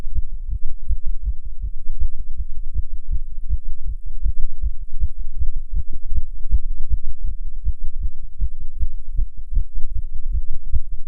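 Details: Heartbeat recorded in a non-smoker while smoking a cigarette: rapid, regular low thumps at about 130 per minute; tachycardia from nicotine.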